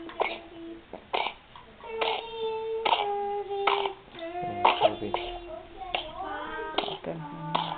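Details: Pertussis coughing fit in a two-month-old unvaccinated infant: a run of about ten short, forceful coughs separated by high-pitched, strained, drawn-out cries and breaths.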